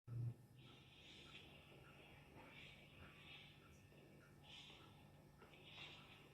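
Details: Chihuahua sleeping on a bed, snoring: soft, regular breaths about every 1.5 seconds with a faint hissing snore over low room hum.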